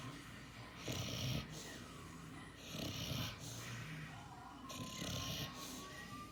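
Soft rhythmic snoring from a sleeping puppy, about three breaths in 6 seconds, with a faint steady tone and room noise behind.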